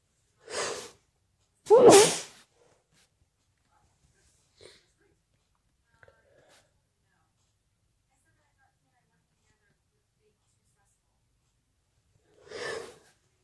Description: wet and muffled sneezes, sniffles and nose blowing in the middle